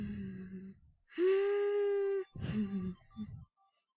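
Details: Adult woman with biphasic stridor, indicating obstruction at the glottis, subglottis or cervical trachea; harsh, high musical breath noise on both inspiration and expiration from upper airway narrowing.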